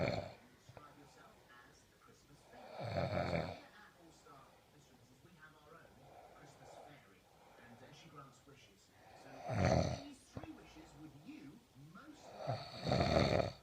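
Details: Snoring during sleep: three loud, rough snores about seven seconds apart with quiet breathing between them.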